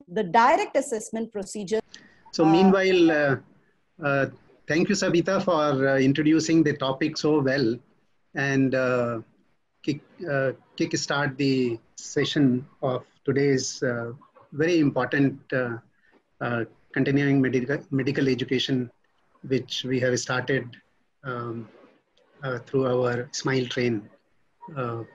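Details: Adult speaker; ordinary speech.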